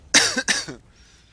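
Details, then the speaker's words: Adult man, congested from a recent illness and says he otherwise feels fine, gives two quick, harsh coughs in close succession, then quiet room: congested cough. "this congestion is killing me too like i start coughing real bad too it sounds like i'm dying but i feel fine it's just annoying ass cloth hopefully it'll go away soon"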